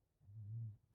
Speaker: If you can hear any snoring, it's Penny. It's nap time for Penny.